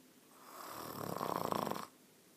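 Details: Bed partner snoring, likened to a grizzly bear and blamed for the recorder's poor sleep: a single rattling inspiratory snore building then stopping sharply, with soft-tissue flutter in the throat.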